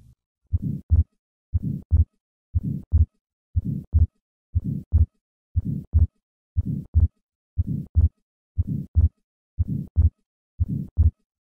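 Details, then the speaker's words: Simulated heart sounds of an atrial septal defect at about 59 a minute, best heard at the second left intercostal space: systolic flow murmur across the pulmonic valve with a fixed split second heart sound. "the murmur of atrial septal defect is a systolic flow murmur across the pulmonic valve coupled with a fixed split second heart sound"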